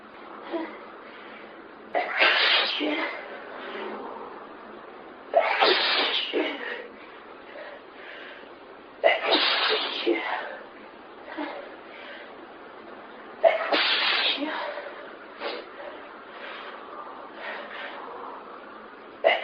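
Four loud, explosive sneezes at regular intervals, each with a preceding breath and trailing sounds; a prolonged sneezing fit.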